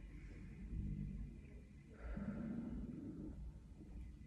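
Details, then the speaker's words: Stomach growling (borborygmi) during slow deep diaphragmatic breathing practice: low, rumbling gurgles from the belly. "you can hear my stomach growling as I do that."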